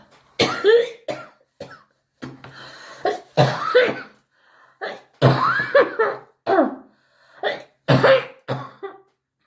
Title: misc cough comp 2